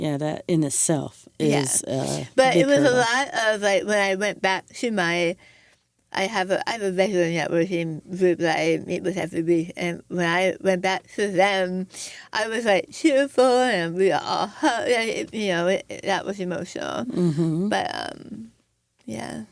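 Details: Adult woman after stage 4 right-sided tongue squamous cell carcinoma (diagnosed December 2021), over half of tongue removed and reconstructed with arm-skin flap, plus neck dissection, tracheotomy, chemoradiation and speech therapy; altered speech after partial glossectomy.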